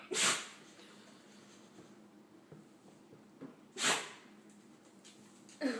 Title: Dog cant stop sneezing